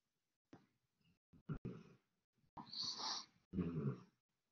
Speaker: don't know if you can hear my dog snoring. Test, test. Hey. Wake up. Snoring too loud.